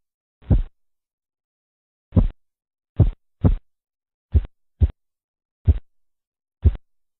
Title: TA y sonidos Korotkoff